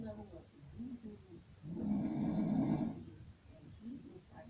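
One long, coarse, rumbling snore between quieter breaths. Loud snoring.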